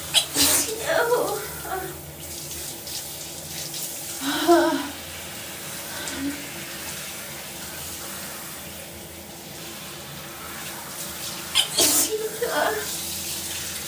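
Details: Three explosive sneezes over running shower water, each preceded by an in-breath, in a female after getting soap in her nose, with hot steam; repeated sneezing.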